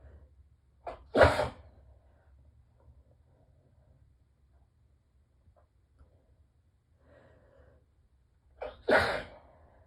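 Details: Two morning allergy sneezes muffled by tissues pressed tightly to the face, each with a quick in-breath first, in a quiet room; allergic sneezing.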